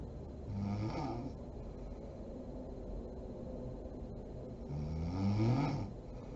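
Two deep, rattling snores on the in-breath over steady room hum; ordinary sleep snoring.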